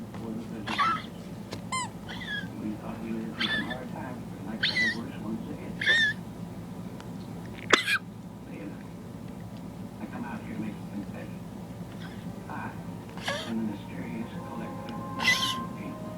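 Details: Dog wheezing and coughing when excited (after baths, play, walks, or his owner coming home) for a year; vet ruled out heart disease and kennel cough, diagnosed asthma: repeated short harsh coughs with whistling, wheezy notes.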